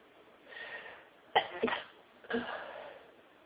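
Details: Person in a sneezing fit, hiding somewhere quiet at work: two or three short, explosive sneezes, each preceded by a soft, breathy build-up, in a quiet room.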